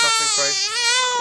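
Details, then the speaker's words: Baby girl who had hiccups (wet tissue placed on forehead) crying around a diaper change: strong, high-pitched wailing cry, called a different, more adult cry; an ordinary infant cry. "See, listen to the cry now. Different cry again."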